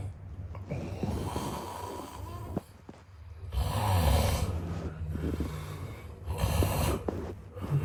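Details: Man snoring, sound effect recording: loud, low rattling snores during sleep with a quieter pause between breaths; snoring.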